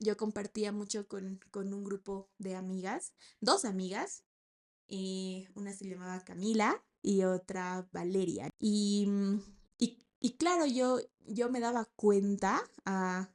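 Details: 28-year-old woman, a speech-language therapist, who has stuttered since age 4, starting in kindergarten, and still stutters, finding sounds such as P, L, M and T harder; speaking Spanish; stuttering.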